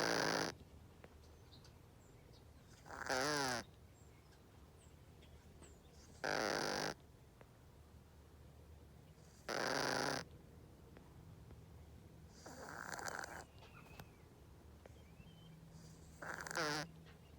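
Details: Loud, rough snoring in the morning outdoors, about 20 snores a minute, with quiet pauses between breaths and faint outdoor background.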